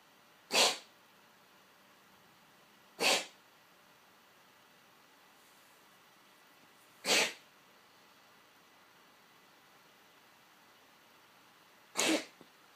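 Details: Male cat on daily antibiotics for about 3 months, episodes 1-3 times a day with a watery morning nose: four sharp, explosive, irregularly spaced airway bursts; owner unsure whether cough or reverse sneezing.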